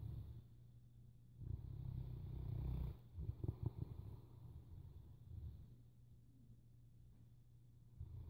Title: Snoring Boerboel